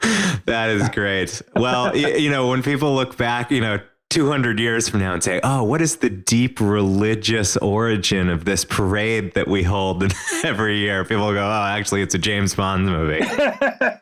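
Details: Adult male speaker; normal speech.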